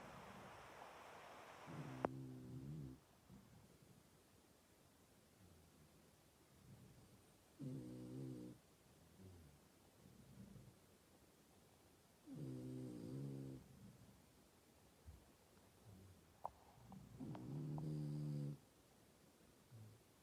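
Four low, rattling snores about every five seconds, roughly 12 a minute, with quiet breathing between them. Snoring.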